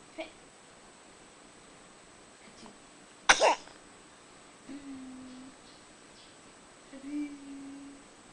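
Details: A cat gives a single sharp, explosive sneeze in a quiet room, followed by soft faint vocal sounds; the cat also drools.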